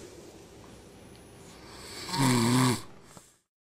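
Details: A baby girl and her father sleeping and snoring in unison: one loud, rough, fluttering snore on a breath, then quiet room noise; ordinary snoring.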